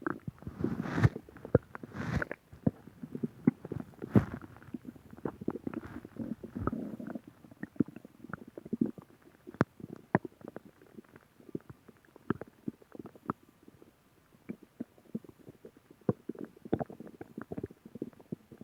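Irregular gurgles, pops and low rumbling from the belly, fading to scattered clicks; ordinary stomach growling, harmless.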